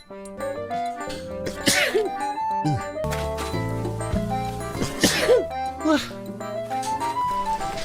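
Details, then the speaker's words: Two sharp, sudden adult sneezes over steady background music, from a streamer who jokes about being allergic and says "about to sneeze… I just sneezed"; sneeze. "Oh no, I'm about to sneeze. Excuse me. I just sneezed."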